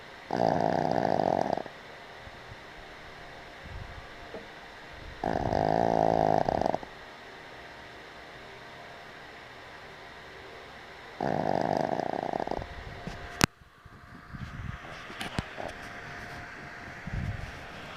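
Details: Boston Terrier snoring while lying on a picnic table outdoors: three loud, rough, buzzing breaths a few seconds apart, quiet outdoor noise between; snoring.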